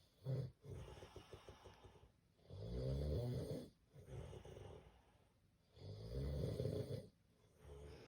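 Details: Loud, low, rattling snores from a sleeping man on each in-breath, about three in eight seconds, with quiet out-breaths between: ordinary heavy snoring.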